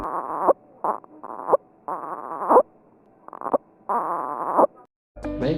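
Short, repeated voiced grunts or moans on each breath out, about six in a few seconds: expiratory grunting in an infant.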